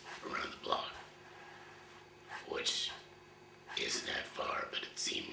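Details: 53-year-old man, one year after total laryngectomy for throat cancer, speaking via a voice prosthesis placed two months ago with a hands-free device, after about 10 months using an electrolarynx; tracheoesophageal speech.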